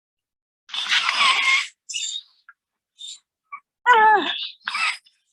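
Harsh, noisy breathing bursts and a high, strained, falling crowing sound from a child, typical of croupy stridor from a narrowed upper airway.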